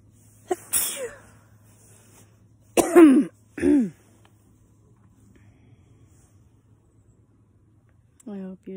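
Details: Adult resting during a hike deep in quiet woods, outdoors: a couple of sharp, explosive sneezes, then a brief voiced sound; ordinary sneezing.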